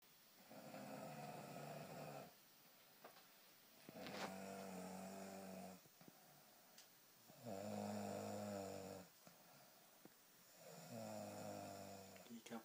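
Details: Boy snoring: loud, rattling snores on each in-breath, about four in twelve seconds, with quiet out-breaths between.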